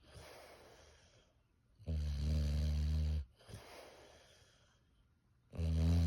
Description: my English bulldog asleep. he has got the loudest snore ever